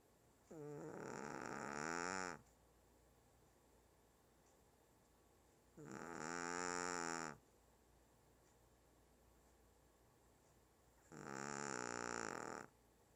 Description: My 1 yr old Shih tzu named Burnt SNORING LOUD.